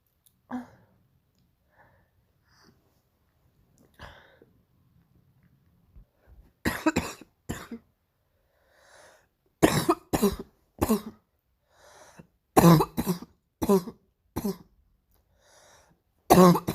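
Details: Painful morning cough: bouts of harsh coughs in clusters, about a dozen bursts with quiet breaths and throat clearing between.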